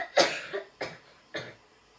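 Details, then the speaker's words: Child demonstrating a deliberate fake cough into the sleeve to show how to cover a cough without a mask: three short, dry, muffled coughs, the first strongest, each fading quickly. "If you're coughing, how you do to cover your cough?"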